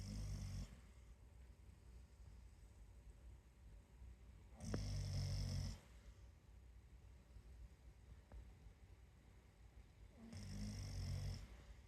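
Low, rumbling snores come about every five seconds, roughly twelve a minute, with a quiet room between them. This is snoring.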